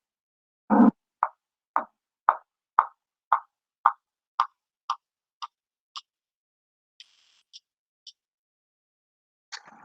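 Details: Impaired percussion note (dullness).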